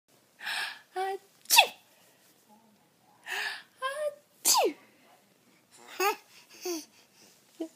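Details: Five-month-old sneezing: several short, sharp, hissing sneezes in a row, with quiet breaths and brief voice sounds between them.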